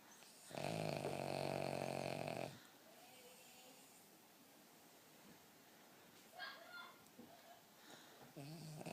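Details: Sleeping King Charles Spaniel snoring: one loud, buzzing two-second snore, then quieter breathing with small snorts.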